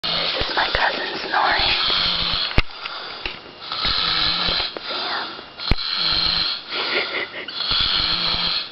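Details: Man asleep on a couch at about 2 am snoring: loud, harsh, rattling snores repeating with each breath, with a whistling edge and brief clicks between them.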